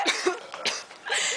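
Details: Santi coughing.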